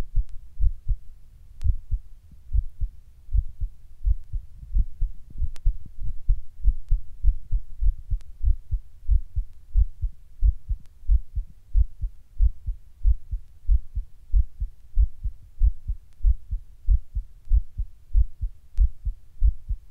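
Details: Person sitting down when heart starts beating weird and hard, sometimes fast: strong, low heartbeats at about 94 a minute with uneven spacing; irregular heartbeat with spells of faster, harder beating.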